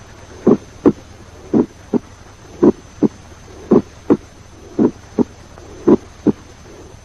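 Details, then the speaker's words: Split first heart sound, played in a teaching recording that compares sounds around S1. "Let us now revise and compare the various sounds around the first heart sound. First, the splitting of the first heart"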